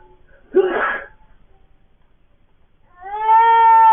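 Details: A father's sneeze, a pause, then the baby's sudden tonal cry; an ordinary infant startle cry in response to the loud noise.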